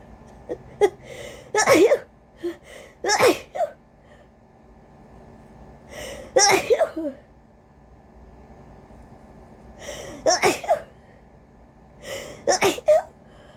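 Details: Repeated, rapid-fire, forceful induced sneezes with gasping in-breaths, about six in quick bursts, from a person with a cold whose nose is very congested and sensitive, growing tired and desperate partway through: sneezing.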